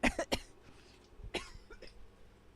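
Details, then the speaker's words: An adult on a livestream, who says they seem to be getting sick, gives a quick run of three harsh coughs and then a fourth after a short pause. "Oh, that sounded bad."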